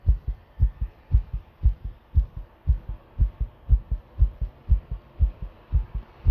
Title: 心臓の音 久々に